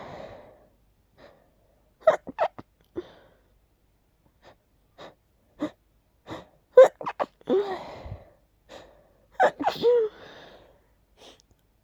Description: That one sneeze was a little stuck but eventually the sneezes won 🤧